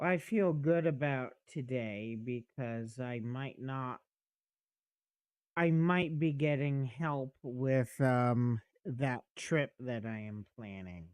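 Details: Adult man speaking; normal voice.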